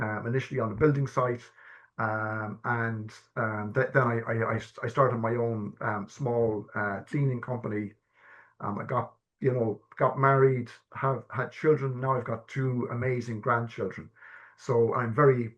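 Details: Adult man stammering since childhood, with early repetitions that became severe blocks at age 12, and secondary behaviours such as "um", restarting, coughing and filler words; he has had stammer-affirming therapy; stammering (stuttering).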